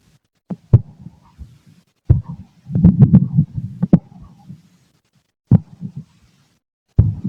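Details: Male adult abdomen heard through a stethoscope while digesting lunch: irregular gurgling and bubbling bursts with occasional sharp clicks, over faint low heartbeat thumps; normal bowel sounds.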